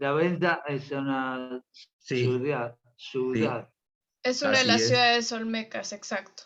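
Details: Adult speaker; ordinary speech.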